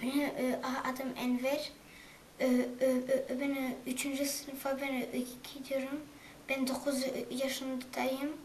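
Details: Stuttering in a 9-year-old boy in third grade who is attending stuttering therapy sessions; Turkish speech.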